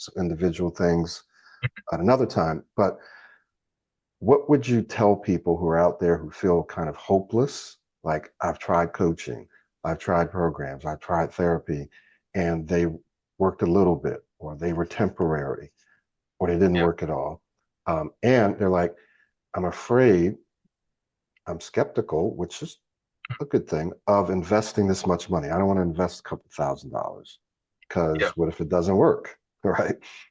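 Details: Adult male speaker; ordinary fluent speech.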